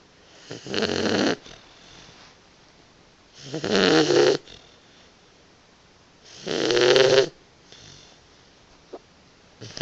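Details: Boxer puppy napping with three loud, rattling snores, quiet pauses between, about 20 a minute; she snores quite a bit; snoring.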